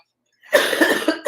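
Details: Adult woman with a sore throat and a lost voice: a single harsh, noisy cough with a slightly rough, voiced quality after a moment of silence.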